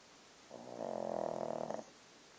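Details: Snoring while sleeping during a movie: a single drawn-out, buzzing snore lasting over a second on an inward breath, against a quiet background hiss.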